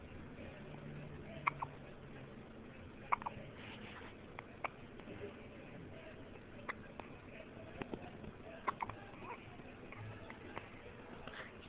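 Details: Hiccups: brief sharp catches recurring every second or two over a quiet room background.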